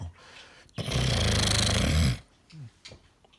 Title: My Dad Horse Snoring 😴